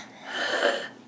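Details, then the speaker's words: Febrile infant (fever 103, partially treated ear infection, SpO2 97% on room air, in distress) with croup: a single harsh, raspy inspiratory stridor with a tonal edge; lungs clear. "croup contrast that with wheezing which is an expiratory squeak so this is a creepy presentation which means there's narrowing of the airway and swelling in the airway"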